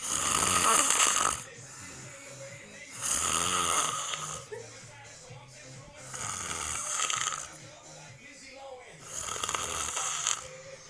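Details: Jack snoring with eyes open: loud, harsh rattling snores in regular bursts about every three seconds, quiet music behind.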